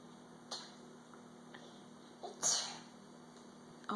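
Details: Child imitating a sneeze while being taught to cover the mouth; a short hissing burst of breath against quiet room hum: imitated sneeze.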